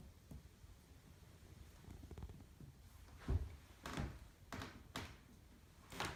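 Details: Finger percussion of an adult woman's chest during a chest and lung assessment: about five short, hollow low thumps with quiet room noise, a normal resonant note, not dull.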